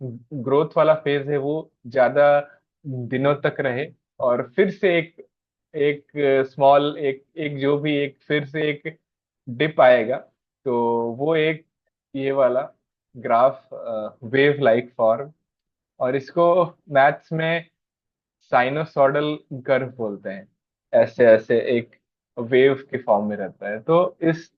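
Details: Stammering that fluctuates in level, having increased somewhat over the past one to two days and now improving again; stuttering.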